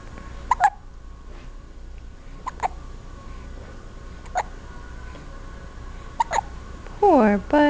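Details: Big hiccups: four short, sharp bursts at irregular intervals, ending with a brief cry-like vocal sound.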